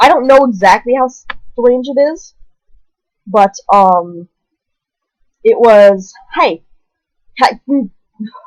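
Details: Person newly diagnosed with Tourette syndrome at age 20, with vocal tics such as repeated "hey" and coprolalia, plus hand movements; finding: vocal tic (Tourette syndrome).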